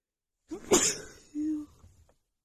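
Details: Sneezing fit from dust: a single sharp sneeze burst followed by a brief voiced throat sound.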